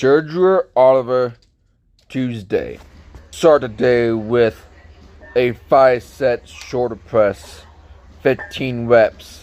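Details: Male speaker with a speech impediment present since childhood, type not specified; r-to-w substitution heard; speech impediment (r-to-w substitution).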